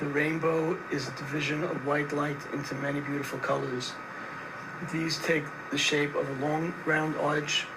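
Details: 63-year-old male with gradual-onset inability to project and vocal fatigue over years, after failed bilateral type I laryngoplasty and revision with Silastic implants placed too low; strained, effortful, very rough voice with poor airflow and volume; strained rough dysphonia.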